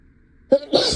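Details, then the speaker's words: Acted, simulated sneeze by a teacher role-playing a class, blamed on allergies: a short indrawn catch followed by a sharp hissing burst. "hey creating the water cycle oh gosh oh give me one moment class yes I'm fine it's just just my it's just my allergies"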